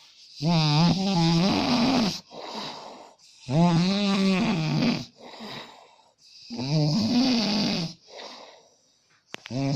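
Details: Adult man, per his wife, snoring severely during sleep: loud rough snores about 20 a minute, each followed by a noisy out-breath; he wakes sitting up from breathing stoppages (apnea) and fears sleeping lying down.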